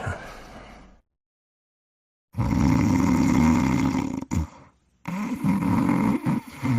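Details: Simulated cartoon snoring for the Pink Panther: exaggerated growling snore with a rumbling inhale, a brief pause, then another snore; acted snoring.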